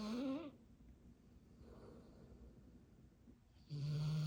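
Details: Dabs, a dog in deep sleep, snoring: low, rough breathing noises at the start and end with a quiet stretch between them.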